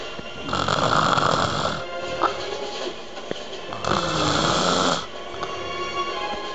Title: snoring